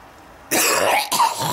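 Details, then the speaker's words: Adult with a bad cold producing thick phlegm that is hard to clear: two harsh, effortful coughs with a rough, throaty quality; a productive cough. "oh it just produces like this really thick thick flamy stuff and it's hard to get it"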